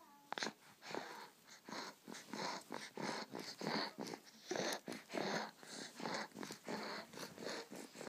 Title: wheeze